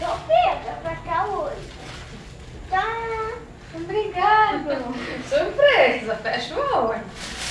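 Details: Young child; speech of a child with a cochlear implant.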